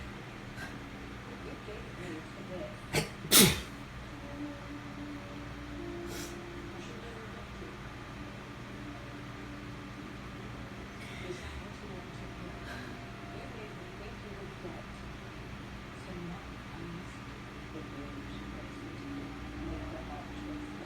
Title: Friday night sneezes